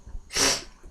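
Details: A single short, sharp hissing sneeze under half a second, deliberately induced by a person who has a cold; sneeze.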